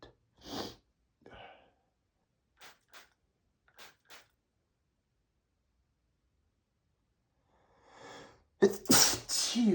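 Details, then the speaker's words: Male, allergic to perfume, sneezing after spraying perfume right under his nose: sniffs and quick breaths build up to a forceful burst of sneezing at the end; allergic sneezing. "Sometimes I get tired of sneezing so much. I guess I should try to avoid spraying perfume right under my nose."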